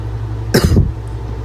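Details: Barking cough from a girl: a single harsh, forceful cough with a rough, barking edge over a low steady background hum.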